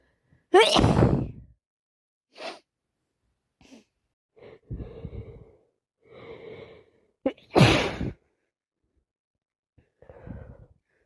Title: Constant wet cold sneezing